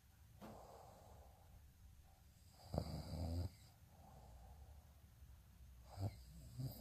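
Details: Snoring sound, person asleep; tagged alongside teeth grinding.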